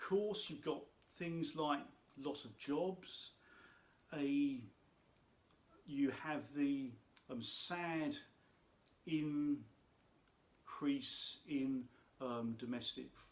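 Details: Adult speaker who states he has a stammer; stuttering (stammer).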